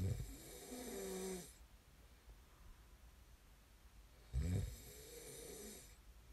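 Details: Snoring ASMR recording: two loud, low, rattling snores about three seconds apart with a quiet pause between; typical adult sleep snoring.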